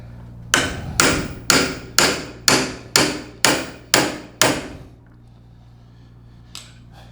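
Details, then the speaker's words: Nine sharp, evenly spaced mallet blows, about two per second, for final impaction of an acetabular component via a protective impactor piece during hip replacement surgery. "Ya que decidimos cuál es, lo metimos con el impactador, y para dar la impactación final va a ser con esta pieza que nos va a proteger la parte interna de nuestro componente acetabular."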